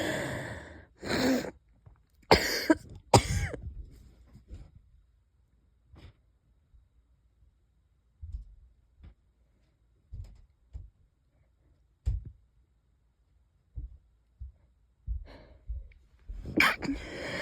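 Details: Several light, muffled wheezy coughs with a couple of stifled sneezes and short quiet gaps, from an adult unsure whether they are catching a cold or having an asthma flare-up; wheezy cough.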